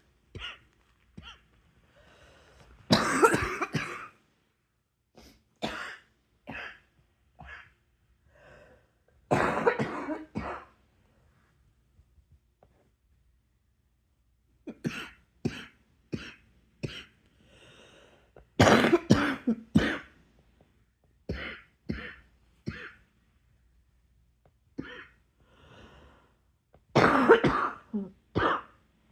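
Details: An adult's prolonged coughing attack at night: repeated clusters of forceful coughs separated by brief quiet breaths.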